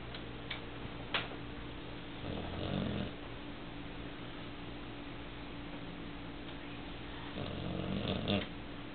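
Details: A 9-month-old female Cane Corso Mastiff napping at the kitchen table: soft, low rattling snores on two breaths, about 11–12 breaths a minute, over steady room hum; snoring.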